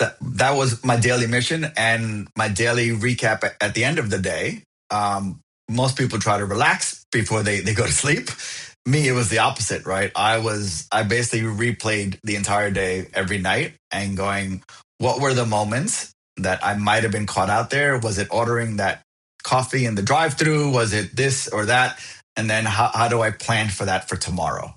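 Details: Adult man who has stuttered since he could talk, now an overt stutterer, with blocks that bounce, slide or are silent; found a stuttering support group at 28; audible repetitions; stuttering.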